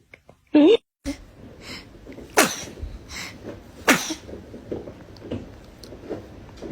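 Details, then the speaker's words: A baby sneezing and coughing at the same time: two sharp, explosive bursts, the first a combined sneeze and cough, amid soft baby noises and adult talk. "baby is dramatic sneezer check I finally caught it I finally caught"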